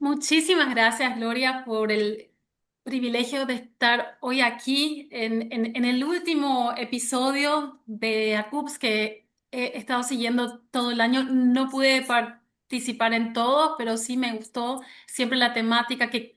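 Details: Stuttering in an adult Spanish-speaking woman since age 6, starting when her parents divorced; severe in childhood, now mild and cyclical with about 80% fluency, mainly blocks; word repetitions in this clip.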